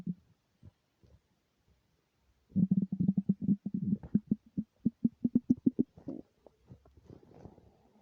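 Low gurgling rumble breaking into a rapid run of bubbly pops, then trailing off; ordinary stomach growling of an empty stomach.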